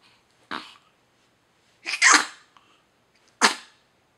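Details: Pet hiccuping and sneezing: three short, abrupt bursts a couple of seconds apart, small sneezes or hiccup-like snorts; sneezing.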